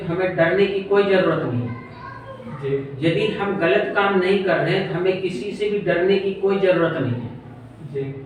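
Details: Adult male speaker; normal speech.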